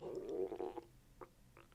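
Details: Woman during a chiropractic adjustment, after pelvic work, just before abdominal and diaphragm manipulation; she reports recent soreness and a pinched lower-back nerve months ago. Brief gurgling, bubbly belly rumble, then soft gurgles; loud stomach borborygmi.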